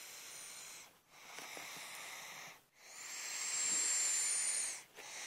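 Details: Whistling snore: hissing, airy breaths during sleep with a thin high-pitched whistle on one breath.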